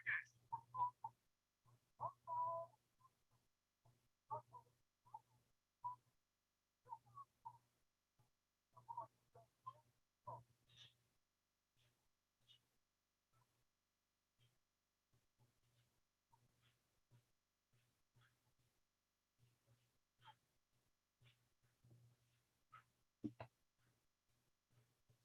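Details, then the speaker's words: Simulated high-frequency hearing loss: faint, muffled cartoon sounds with a low steady hum and dull, indistinct bursts; high sounds missing, showing how speech and sounds blur. "loud noise causes permanent hearing loss a high frequency hearing loss makes it difficult so"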